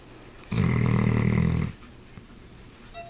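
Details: Dog snoring during sleep: a single low, rattling snore lasting just over a second, with quiet room noise before and after.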